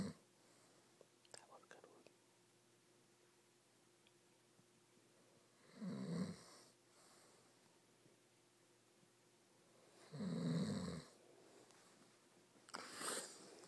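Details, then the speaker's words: Man snoring during sleep: deep, rumbling snores about every four to five seconds, separated by quiet breathing, in a still room. "What is that sound? Oh no, it's a bear. A snoring bear."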